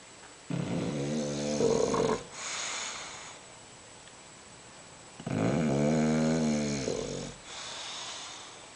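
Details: Bulldog sleeping in the kitchen and snoring: loud, rattling snores on two breaths in about nine seconds, each followed by a softer breath out.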